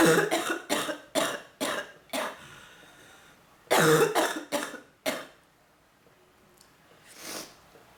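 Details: Coughing fits from bronchitis in an adult woman with headache and mid-back pain, possibly using oxygen: two bouts of repeated harsh coughs, about nine in all, followed by a breath in.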